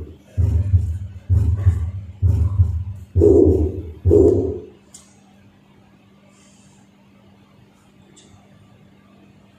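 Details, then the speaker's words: Teaching recording of mitral regurgitation at an auscultation workshop, heard at the apex with the stethoscope diaphragm: rhythmic heart cycles with a soft, high-pitched, blowing murmur through systole. It increases on expiration as a left-sided murmur. "that's heard at ethical position with the diaphragm of the stethoscope it increases on expiration since it is left-sided and its characteristics are soft high-pitched and glowing"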